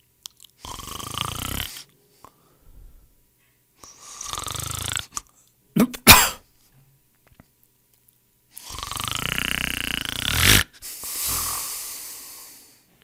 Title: SONIDOS DE RONQUIDOS | SNORING SOUNDS